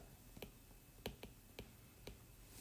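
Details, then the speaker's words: Demonstration imitating a temporomandibular joint click, a single short-duration sound that can occur on mouth opening or closing: about five sharp, brief clicks over quiet room noise; TMJ click. "Ahora, el segundo, tenemos un chasquido, un clic que es, mira, un clic más normal, que es un ruido único, pero es un ruido de corta duración."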